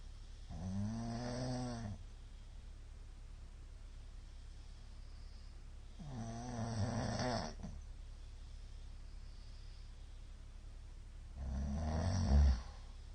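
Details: A middle-aged man's snoring, recorded 2022-02-23: loud rumbling snores with long silent gaps between breaths; the uploader suspects sleep apnea syndrome from the number of shallow hypopneas; snoring with suspected obstructive sleep apnea.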